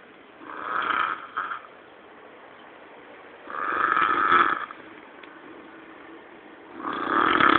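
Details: Loud, rough snores in a steady rhythm with a snort in between, during sleep; ordinary snoring.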